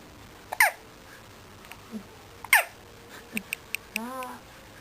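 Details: Baby with hiccups: repeated short, high squeaky hiccups, several close together, with a brief soft vocal sound.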